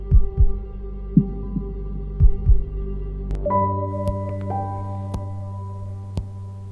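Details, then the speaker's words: St Jude mechanical aortic valve, quarter-sized, in a runner born with aortic stenosis: soft low thumps then sharp ticking clicks about once a second over music, audible up close; mechanical prosthetic valve click. "so I have what's called a St Jude um mechanical valve it's about the size of a quarter and it's the aortic valve it's going off the function of of the heart heart and it ticks so I've got this tick that you can actually hear if you're up close"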